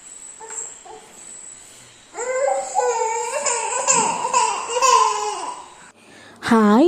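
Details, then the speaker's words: A toddler whines and wails in wavering, drawn-out cries, ending in a sharp, loud rising cry. She is crying because she wants to eat all of the freshly grated coconut. "എന്തിനാണ് നിന്ന് കരയുന്നതെന്ന് ആർക്കെങ്കിലും മനസ്സിലായോ? കണ്ടോ, ഇതാണ് സംഭവം. തേങ്ങ ചുരണ്ടിയപ്പം അത് മൊത്തം അവൾക്ക് വാരി തിന്നണം."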